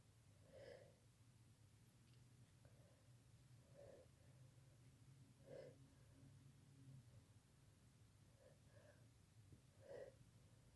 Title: Powerful fit, kinda messy sneezing